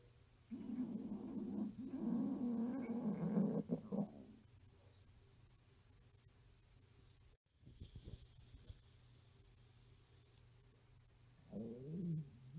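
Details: Long low rumbling gurgles, then quiet, then a shorter gurgle from a very hungry 13-year-old girl's stomach, recorded at a sleepover; stomach growling (borborygmi) from hunger.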